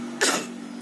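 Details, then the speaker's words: Young child with a cough and cold (batuk pilek) coughing when the father asks: a single short, breathy cough burst; voluntary cough. "Batuk lagi, batuk lagi, batuk lagi."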